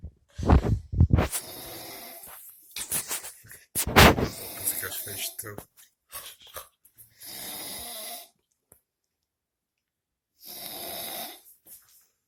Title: Snoring